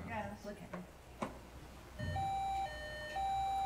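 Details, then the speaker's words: Recorded after the patient's second surgery while his pacemaker/defibrillator was being tested: after room sounds and faint talk, a steady two-pitch alternating electronic alert tone, likened to a siren. "this video is after his second surgery um when they were testing his pacemaker and this is what it sounds like"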